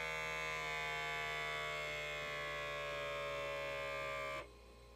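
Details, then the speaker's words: Lifewise talking wrist blood pressure monitor on the user's wrist, raised to heart level: the steady, high whine of a small pump that stops abruptly as the cuff inflates powerfully and tightly. "it's gonna start the measurement so here we go it's pretty powerful it's pretty tight"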